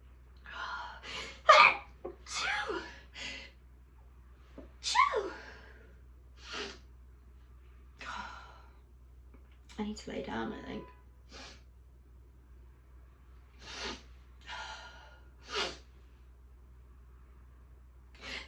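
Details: Repeated stifled sneezes with sharp gasping in-breaths in a quiet room, followed by complaints of dizziness; a bout of suppressed sneezing.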